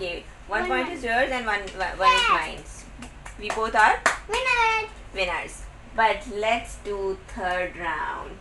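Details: Speaker in a small room; Ordinary speech.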